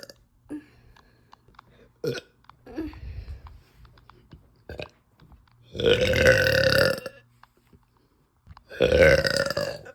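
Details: Burping uncontrollably after eating: several loud, drawn-out voiced belches with smaller gulps and clicks between them; repeated burping.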